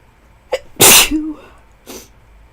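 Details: High-school student with a new cold, sore throat and little sleep sneezes: quick intake, then one loud explosive sneeze with a brief voiced tail and a softer breath after; single cold-related sneeze.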